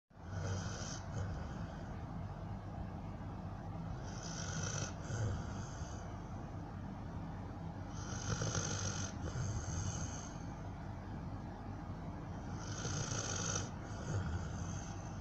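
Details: Dog snoring very loudly: continuous low rumbling snore with no clear breaks, rising and falling over the clip, steady background noise underneath; snoring.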